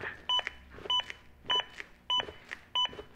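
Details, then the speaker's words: Zoll AED Plus training unit during a CPR demonstration: evenly spaced electronic beeps at about 100 a minute, an adaptive metronome that monitors compressions and pushes their rate to at least 100 per minute. "the beeps act as an Adaptive metronome that monitors my compressions and tries to speed them up to at least 100 per minute good compression"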